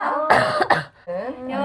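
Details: Adult woman coughing: two quick, harsh cough bursts set between brief voiced sounds.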